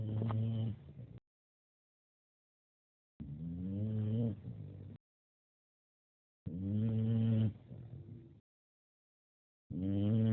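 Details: Snoring: loud, groaning snores in regular bursts about every three seconds, with silent gaps between breaths.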